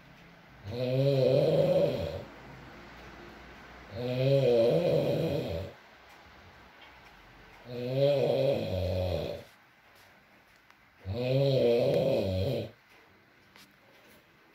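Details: ASMR recording of a sleeping man (boyfriend) snoring: loud, rattling snores on each breath in, about four in fifteen seconds, with quiet gaps between, over faint rain; snoring.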